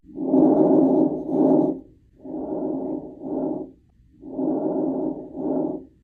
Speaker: And lastly, we have diminished breath sounds. Just like the name suggests, let's listen to normal and then diminished.